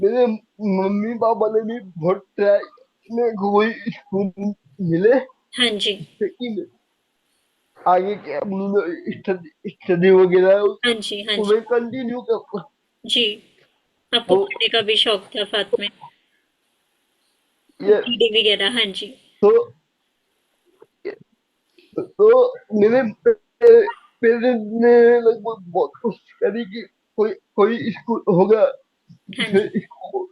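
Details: Dysarthria in a young adult man with cerebral palsy diagnosed at age 2; he could not speak as a child and still needs double effort to speak and cannot speak clearly.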